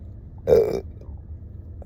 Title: Deep Burping Montage